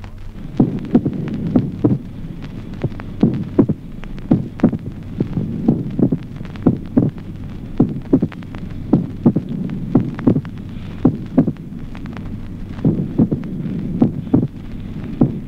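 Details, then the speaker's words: Opening snap of the mitral valve with a short interval in slow atrial fibrillation: irregular, slow heartbeat with a sharp extra click just after the second sound. "ejemplo 1o chasquido de apertura mitral de intervalo breve en la fibrilación lenta"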